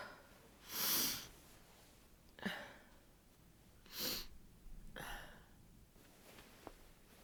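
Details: Repeated sneezing: three or four breathy sneezes with sniffs between them, muffled into a down comforter while in bed. The nose is sensitive after cold, windy winter weather, and the person fears coming down with a cold.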